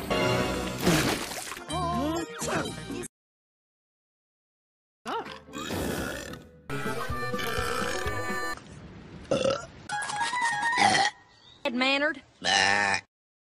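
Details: Animated My Little Pony cartoon characters burping and sneezing over background music, with some voiced character sounds.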